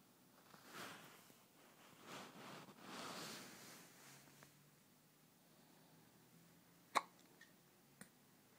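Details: Infant boy rocked in the middle of the night after a feeding: soft breathy sounds in a quiet room, then a sharp hiccup-like click and a fainter one; hiccups.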